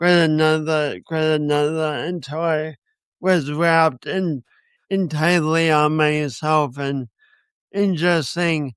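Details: Man with a speech impediment and coordination issues, which he says he has not overcome; speech impediment.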